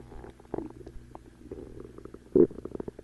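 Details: Low gurgles and bubbling rumbles with one louder growl from gas and fluid moving through the gut; normal stomach growling (borborygmi).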